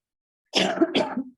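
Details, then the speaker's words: Two quick harsh throat-clearing coughs from an adult with asthma speaking at a public meeting, who warns that the asthma causes occasional coughing and affects the voice. "I suffer from asthma and consequently I occasionally need to cough and it affects my voice."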